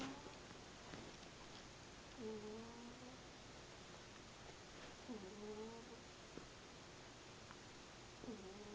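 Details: Cat snoring, kinda quiet but loud enough to keep the owner up all night.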